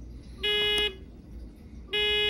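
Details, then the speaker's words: Two sustained half-second electronic beeps from an Athena GTX WVSM portable patient monitor; the reviewer thought it was an alarm, but the manufacturer says it was likely the find/locate button beep, not an alarm. "it's going to alarm at me because it thinks my [Music] think something is off"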